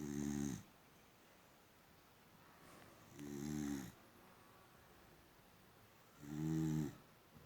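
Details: Female boxer dog snoring while peacefully sleeping: three loud, low rattling snores, each about half a second long, about nineteen a minute, in a quiet room.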